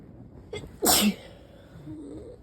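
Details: A person with repeated sneezing and lots of mucus, wanting to sleep, takes a short indrawn breath, then gives one sharp explosive sneeze followed by a soft sniffle or groan; a single sneeze.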